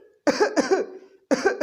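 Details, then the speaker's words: Imitated double-paroxysm cough demonstrated by a homoeopathic doctor: two quick cough bursts, a pause, then another pair; said to occur with heavy salivation in Merc sol patients. "तो इस तरीके फिर से आप सुनेंगे डबल पैरोक्सिस्म of cough में इस तरीके की खांसी होगी"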